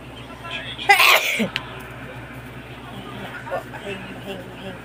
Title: Feather 🪶 Induced Sneezing.